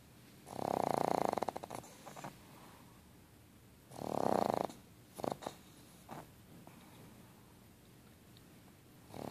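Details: Pug, a flat-faced dog, snoring while asleep; two loud, rattling snore breaths about three seconds apart, each followed by brief snorts; snoring.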